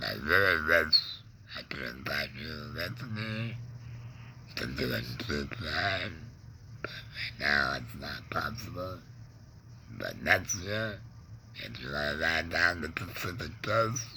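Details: Adult man, laryngectomee neck breather with a stoma, cancer survivor of about 20 years (tongue cancer tagged), with tongue pain, speaking without a larynx in real connected speech; alaryngeal speech after laryngectomy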